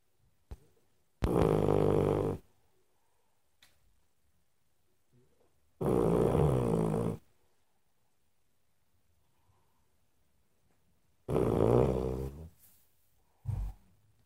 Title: Even clumber puppies snore